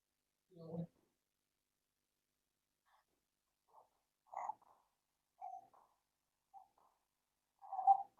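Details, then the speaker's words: Infant with soft, high-pitched, harsh noises on each breath: inspiratory stridor from upper airway narrowing at or above the larynx. "kind of noise you hear an inspiratory noise it sounds like Strider and then where does that occur right at or above the Leary's"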